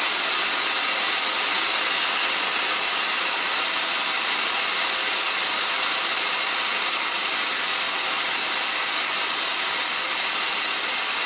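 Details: Home liquid oxygen demonstration fill: loud continuous hissing rush of escaping gas as a portable unit fills from its base unit (C41/C1000) while venting with the open tab held down.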